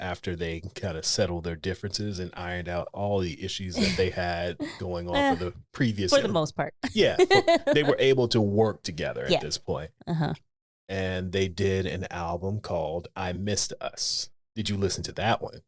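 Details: Adult man speaking; normal conversational speech.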